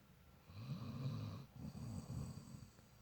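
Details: Two low, rattling snores on successive breaths during sleep; ordinary snoring.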